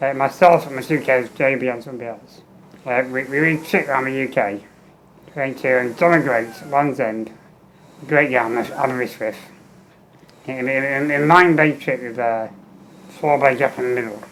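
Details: Adult man with muscular dystrophy and low lung capacity, tracheostomy for 15 years with a fenestrated tube, ventilator with a speech valve and air leak around the trachea: ventilator-timed phrasing, speech in spurts per ventilator breath with breaks between.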